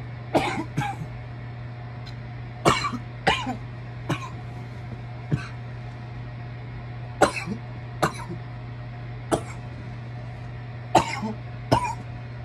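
About a dozen short, harsh coughs in loose clusters over steady low hum, coughing from irritation after inhaling smoke.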